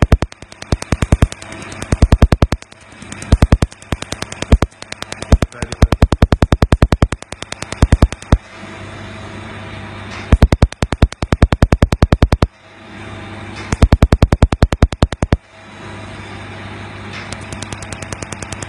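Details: Laser tattoo removal in progress: rapid bursts of sharp snapping laser pulses, several a second, separated by pauses with a steady hum.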